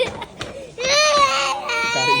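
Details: Young child crying loudly in sustained wailing bursts because he wants a toy car at a toy market, with some quieter adult speech beforehand.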